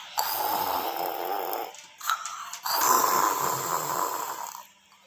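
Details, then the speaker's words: A child, asked to imitate how a person snores, gives two rough, rattling imitation snores separated by a short pause: imitated snoring. "raga kan orang lagi ngorok ngorok kayak gini"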